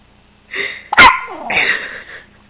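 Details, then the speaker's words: Baby with a single loud, abrupt gulping hiccup, a sharp catch of breath between brief voiced sounds; hiccup. "whoa you getting pickups that's better they're so loud I know I don't like jacups either"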